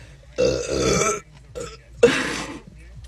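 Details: Adult woman burping hard after drinking Coke in a burping challenge: two loud, drawn-out burps less than a second apart, with faint room noise between them.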